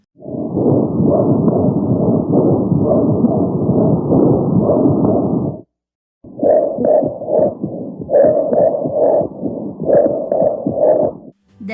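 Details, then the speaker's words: Pleural friction rub, an adventitious breath sound arising in the pleura, heard on chest auscultation. "are three types of abnormal breath sounds that arise in the pleura and in the lung frequently they're collectively referred to as adventitious breath sounds plural rub wheezes crackles"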